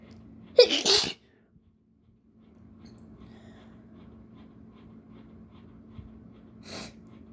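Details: Person with allergies sneezing after sniffing new chickpea, nose tickling and burning: one loud explosive sneeze, quiet breathing, then a faint second sneeze near the end over a steady low hum; sneezing.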